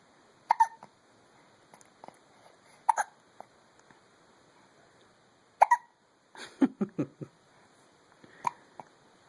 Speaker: baby hiccups. Aren't they cute?